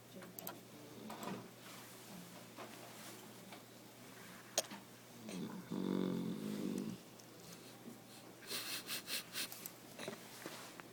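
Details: Old man snoring loudly in sleep: a rattling snore with a fluttering, wheezy edge, then a run of short snorting bursts.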